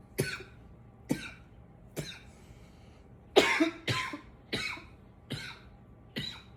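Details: Coughing a bit: eight short, dry coughs in under seven seconds, some in quick pairs, no clear wet rattle; repeated coughing.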